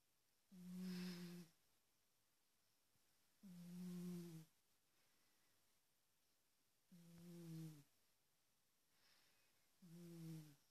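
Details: Big pet cat recorded with a smartphone while sleeping: soft, humming, tonal snores about every three seconds, roughly 19 a minute, in a quiet room; snoring.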